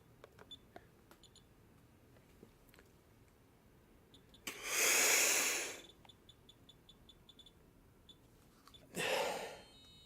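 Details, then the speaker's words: Two harsh rushing fast inhalations with soft beeps between, through an inhaler training device; red lights for flow and inspiratory time, medication hitting back of throat, showing poor technique in a COPD medication demonstration. "you see it's got that bad noise again this time I did coordinator will but I got red lights on the flow and the inspiratory time"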